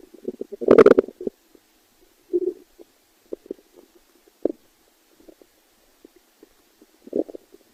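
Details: Stomach growling (borborygmi): gurgling, bubbling rumbles in irregular bursts, a loud gurgle near the start and softer clicks and squelches between.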